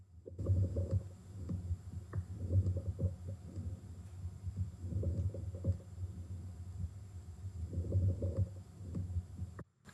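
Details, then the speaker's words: Crackles heard through a stethoscope over the lungs: bursts of crackling and popping during each breath, caused by air moving through secretions, as in pneumonia, pulmonary edema or bronchitis. "So it's not the narrowing that we get with wheezes and strider. It is the crackling that we get when there are secretions. So, think pneumonia, pulmonary edema, bronchitis."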